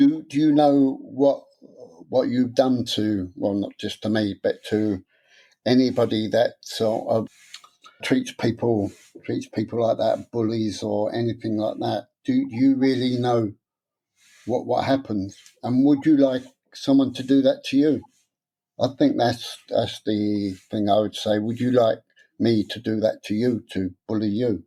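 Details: Stuttering (stammer) in an adult man, present since about age seven after childhood trauma (his parents' deaths); he later took a three-day therapy course and learned a breathing technique but says he still gets stuck on some words.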